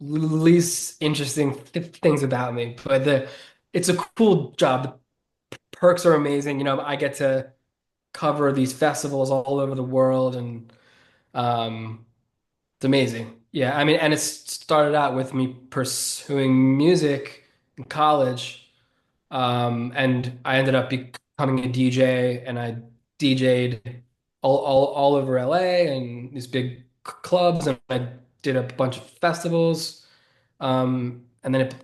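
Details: 33-year-old man who has stuttered since about age seven or eight, a stutter he considers predominantly neurological and relatively mild, not severe; stuttering.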